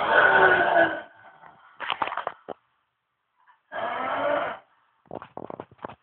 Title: Worst Snoring Ever (no kidding)